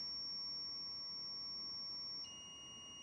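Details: Simulated code on a ZOLL defibrillator in AED mode with pads already placed: a steady high-pitched tone shifts to a second pitch partway through as it charges after advising a shock; AED charging tone.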